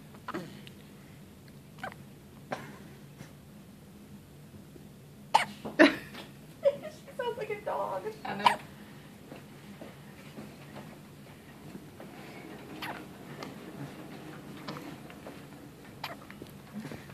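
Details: Baby girl lying down with hiccups: short sharp catches at irregular intervals with soft baby noises and quiet adult talk behind; ordinary infant hiccups.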